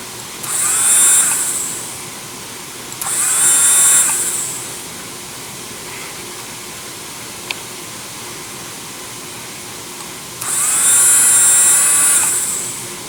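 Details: Low-cost dental drill (up to 30,000 RPM, dial speed control, on/off foot switch) used in a lab in place of a surgical handpiece for craniotomies: three high-pitched whine bursts spinning up and down.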